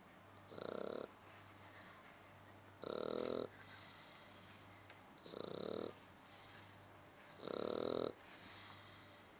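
Regular rasping snores on each breath, about 26 a minute, with softer snorting exhales between them; snoring in a sleeping dog.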